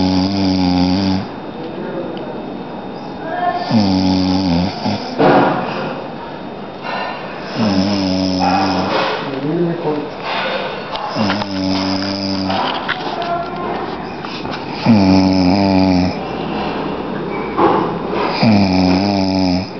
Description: My friend snoring away to glory.. after a long journey..